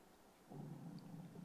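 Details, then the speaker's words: An adult's stomach rumbles loudly enough to be picked up during a crafting demonstration; the speaker apologizes and says it sounded like an animal entering the room; stomach rumbling (borborygmi). "oh that's my tummy I do apologize did you hear that I'm sorry at home that is my tummy"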